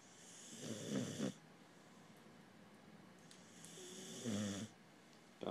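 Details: Sleeping pharaoh hound puppy snoring: two soft, fluttering snores on inhalation, with quiet breathing between them.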